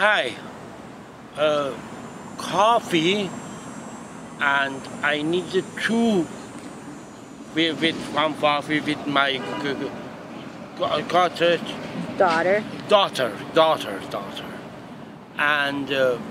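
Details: Father with transcortical motor aphasia after a hemorrhagic stroke two years earlier, repeating words while practicing ordering coffee with written key words; transcortical motor aphasia.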